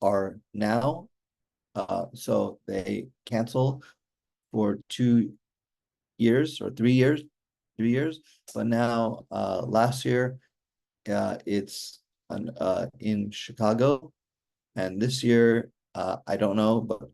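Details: Aphasia in an adult male stroke survivor with hereditary mitral valve prolapse, following a stroke during mitral valve surgery in 2007; communication remains hard for him.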